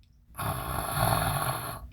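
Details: An adult imitating a single loud, low, fluttering snore, the most common and milder palatal type caused by vibration of the uvula and soft palate.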